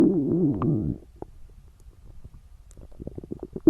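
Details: A loud, warbling stomach growl followed by softer gurgles and pops from girls at the limit of hunger; ordinary hunger borborygmi.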